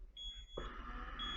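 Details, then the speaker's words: Zoll Eagle II ventilator high airway pressure alarm in a training demonstration: steady high-pitched electronic alarm tones over machine hum, triggered when volume set to 700 pushes pressure above the 35 cmH2O limit. "esto para ver como nosotros podemos parametrizar y cómo se generan las alertas en nuestro ventilador cuando hay una alta en la presión o cuando supera los límites es límites establecidos para este caso"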